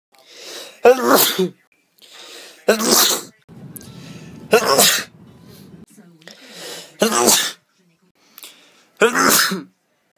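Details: Sneezing compilation: five sharp, explosive sneezes, each preceded by a quick in-breath; repeated sneezing.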